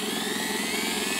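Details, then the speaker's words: Guided DS PrimeTaper implant surgery hands-on demonstration on a model with surgical guide, mandibular molar site, for a PrimeTaper EV Ø4.2 x 11 mm implant. The drill enters the guide sleeve laterally and starts drilling, giving a steady, rough motor whine. "then you go in again laterally from the side here put it in the starting position and then you start drilling"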